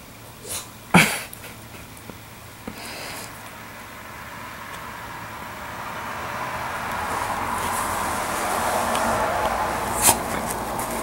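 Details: A few short, sharp sneezes from a dog rolling around in a sneezing fit, over steady rustling background noise.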